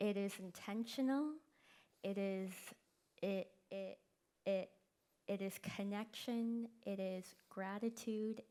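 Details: Person who stutters, speaking at a live event; stuttering, described as a neurological disability causing prolongations, repetitions and blocks.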